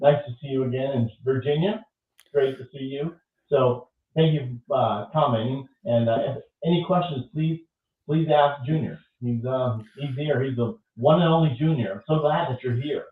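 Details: Adult male speaker; ordinary speech.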